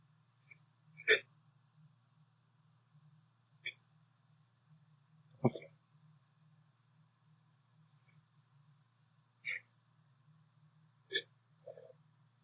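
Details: Six short, sharp sounds at irregular intervals over a steady low hum during a sneeze buildup, with one of three sneezes getting stuck. Hiccups.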